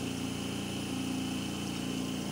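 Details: Invacare 5 (IRC5LXO2) oxygen concentrator running at a set 5 L/min during repair testing, oxygen reading falling from 84 toward 65%, failing the test: steady low motor hum with soft hiss of airflow.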